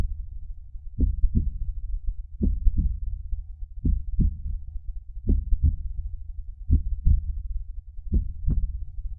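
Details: Normal heartbeat.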